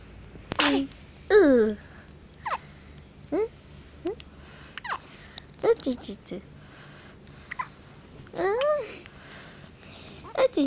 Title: Lil sis has hiccups